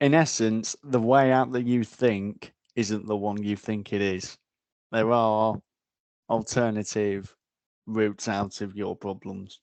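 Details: Adult man, a frontline security officer, described as having a stammer; stuttering.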